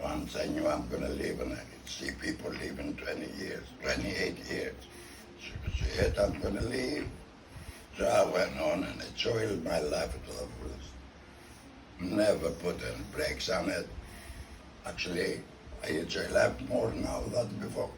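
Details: Tracheoesophageal (alaryngeal) speech from a man 14 years after total laryngectomy, who has a neck stoma and uses a voice prosthesis that once leaked and was replaced.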